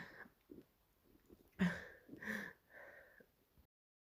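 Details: Imitated barking cough.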